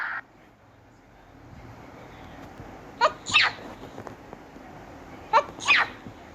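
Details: Sneezing: two pairs of short, sharp sneeze-like bursts over a steady room hiss, the second burst of each pair louder.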